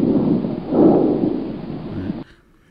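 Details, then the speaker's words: Normal bronchovesicular breath sound heard with the stethoscope diaphragm over the 1st–2nd intercostal spaces anteriorly and the interscapular region posteriorly; continuous, equal in inspiration and expiration. "Já o som broncovesicular é um som que pode ser encontrado na primeira e segunda espaço intercostal na região anterior e na região posterior na região interescapular. Ele já é um som tanto igual na inspiração quanto na expiração."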